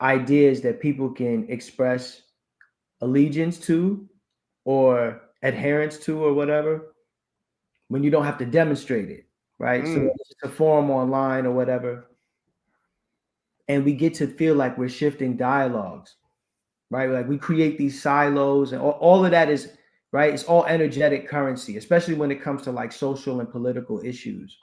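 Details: Adult male speaker; typical speech.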